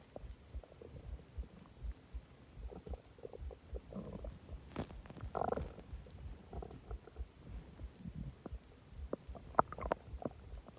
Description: I ate a lot of food and drank a soda and my stomach went crazy